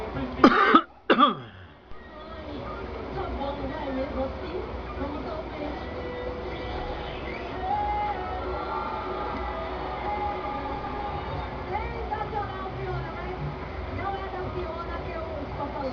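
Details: A person coughing: two sharp, harsh cough bursts in quick succession, followed by steady background noise with faint music.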